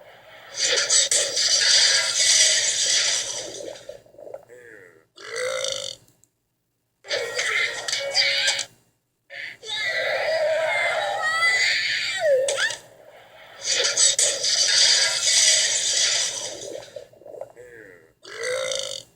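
Several long, loud belches alternating with short pauses, over background music.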